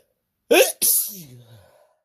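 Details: Person whose partner is deliberately trying to make them sneeze; a quick intake of breath, then one explosive sneeze trailing into a short voiced sigh; a single sneeze.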